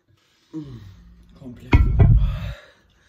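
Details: Deliberate burp during a burp challenge after drinking mineral water instead of Sprite: a low, rumbling, drawn-out belch after a short voiced lead-in, in a small room.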